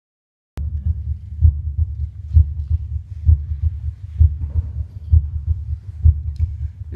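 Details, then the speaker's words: Normal heart sounds auscultated over the precordial foci: regular low lub-dub at about 65 per minute, first sound longer, louder and lower-pitched (systole), second sound shorter and higher-pitched. "mi primer ruido cardíaco que es de mayor duración de mayor intensidad y es grave que corresponde a la sístole cardíaca mi segundo ruido cardíaco que es más corto que es más agudo y que"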